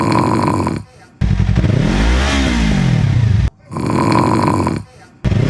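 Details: Dad snoring, compared with a cat and Akrapovič exhaust: deep, loud, rumbling snore heard between bursts of revving engine exhaust.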